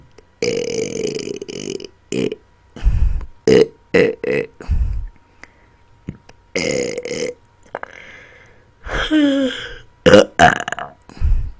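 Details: Deliberate belching after dinner, including burp-talked words: a series of loud burps, some long and drawn out, separated by short pauses; repeated voluntary belching on command.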